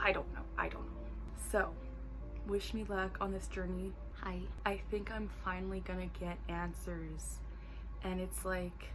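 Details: Vocal tic (interjected "hi" mid-sentence) in an adult woman with Tourette syndrome, tics reduced on medication, also diagnosed with ADHD at 23.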